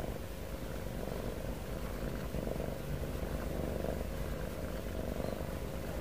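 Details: Steady low rumbling from a cat with slow, soft swells as each breath comes and goes: cat snoring with heavy breathing, closely resembling purring.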